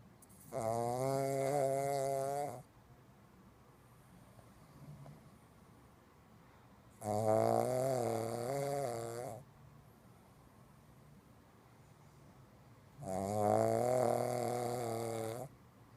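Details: Sleeping pug, louder than a human: loud, drawn-out buzzing, vibrating snores, about 2 seconds each, roughly every 6 seconds, about 10 a minute; snoring.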